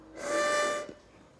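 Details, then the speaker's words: AeroChamber spacer used with a metered-dose inhaler: breathing in too quickly sets off the built-in harmonica-like flow-warning whistle, a steady high tone under a second, signalling the inhalation is too fast. "there's a little thing under here almost like a harmonica if you breathe in too quickly that will make a kind of beeping noise which tells you doing it too fast"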